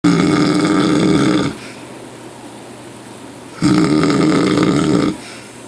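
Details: Snoring: two long, loud, rough rattling breaths with a quieter pause between them.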